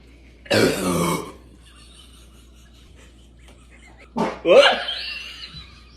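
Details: Burping after drinking Sprite in a burp challenge: two loud, rough belches a few seconds apart, the second long and trailing off; the person then says it hurts.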